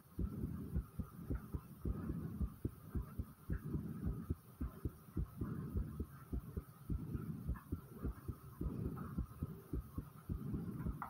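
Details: Person's own fast heartbeat, recorded for ASMR: rapid, regular, low thumps at roughly 107 beats a minute. Fast heart rate.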